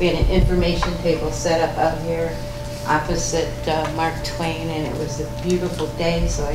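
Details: Adult woman speaking; Normal voice.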